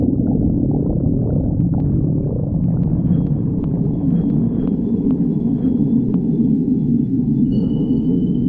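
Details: Stomach growling (borborygmi): continuous low rumbling with gurgling, rising squeaks and faint clicks.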